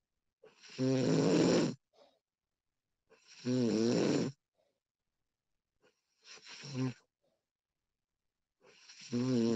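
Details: Adult woman snoring, recorded as a realistic sound effect: four long rumbling snores with quiet pauses between, rhythmic.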